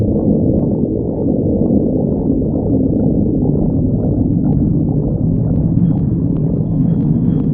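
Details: Sticks the badger: loud, continuous deep rumbling and gurgling, a prolonged stomach growl; ordinary bowel sounds.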